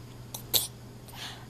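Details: Young child, addressed as baby, imitating a sneeze on camera: a brief intake followed by one sharp hissing burst, a single deliberately faked sneeze rather than a true reflex sneeze.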